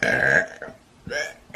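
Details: Deep burps: two deep, drawn-out voiced belches, the first long and loud, the second shorter after a pause.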